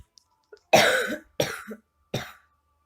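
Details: Three harsh, explosive coughs in quick succession in a quiet room from an adult who says they have been sick, while playing a point-and-click game.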